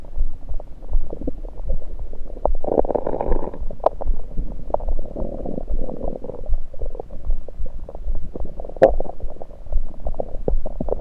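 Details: Self-recorded over own stomach with a USB electronic stethoscope, taking only liquids, not digesting food: bubbling, gurgling noises with a few sharper pops over a steady low hiss; active bowel sounds.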